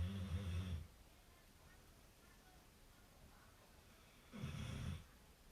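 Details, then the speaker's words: Two deep, low rumbling snores about four seconds apart against quiet room noise from a pet dog snoring in its sleep while its owner works on a scale model. "nice light coat no problems at all if you can hear that snoring that's molly molly wake up there you go"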